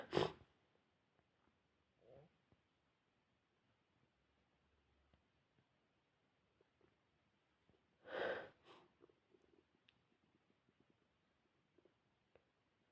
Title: induced sneezing